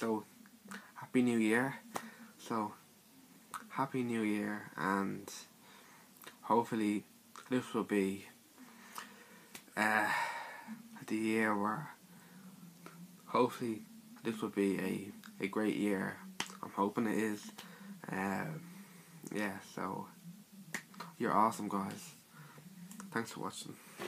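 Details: Stuttering (stammer) in a male speaker describing his own speech in a personal series.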